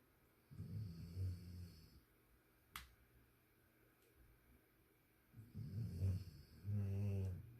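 Two low, rumbling snores on the in-breath, a few seconds apart, with a quiet room and a single click between them.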